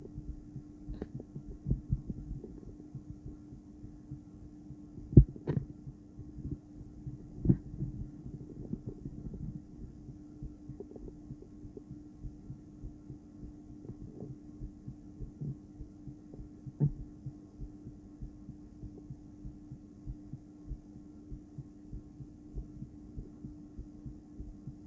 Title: Female heart, ultrasonic view, heartbeat sound